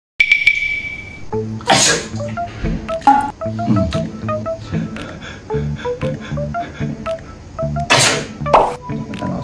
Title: When I deliberately sneeze to see my daughter's reaction 😂😂😂